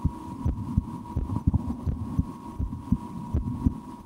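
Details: Own heartbeat through a stethoscope, at times breath-holding or raising the rate during a game, stomach digesting after lunch: soft paired thumps at about 80 a minute over a steady hum; normal heart sounds.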